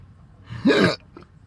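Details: Adult with persistent intractable hiccups since December 2015, also breathing and choking spasms and erratic stomach sphincter control, cause undiagnosed; a single sharp, voiced hiccup with a sudden inward catch; hiccups recur every 1-3 seconds for hours to days.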